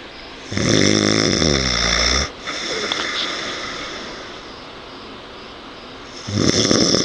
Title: Fat hairy old man snoring in bed